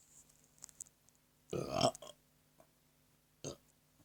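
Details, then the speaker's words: Person deliberately burping: one long, rumbling belch, then a short second burp, in a quiet room. "Doug. This is a burp video for you. Thanks for the burps you did this morning."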